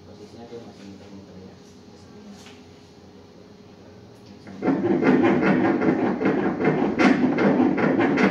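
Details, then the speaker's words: Fetal heartbeat at 20 weeks of pregnancy during an ultrasound exam: after a quiet stretch, a fast, regular whooshing pulse begins at about 150 beats a minute, a normal fetal heartbeat. "SUARA JANTUNG BAYI DI DALAM KANDUNGAN !!!!"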